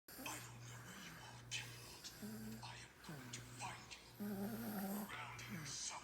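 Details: Baby boy snoring like an adult while sleeping soundly: steady low, rumbling snores, with faint voices and room sounds in the background.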